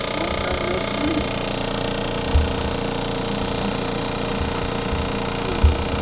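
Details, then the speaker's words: Steady buzzing hum of a handheld vibration device moved over the calf, with brief knocks; patient after total hip replacement, vibration preparing tissue before radial shockwave therapy at a chiropractic clinic. "Um this won't really feel like anything. Just kind of like vibrations."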